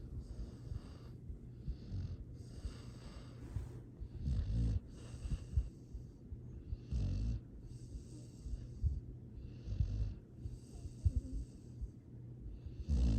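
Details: Sleeping dog snoring: soft low snuffly snoring breaths repeating every few seconds, gentle and unlabored; sweet, happy sleep snoring.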